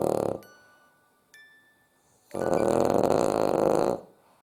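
A loud, rumbling snore from a sleeping flat-faced dog, one long noisy breath after a pause; ordinary dog snoring.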